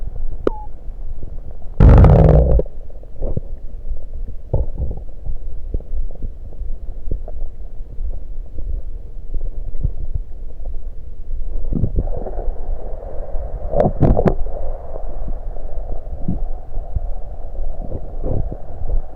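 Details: Adult's stomach recorded after drinking soda; low gurgles, rumbles and bubbling clicks as swallowed soda flows in: bowel sounds (stomach gurgling).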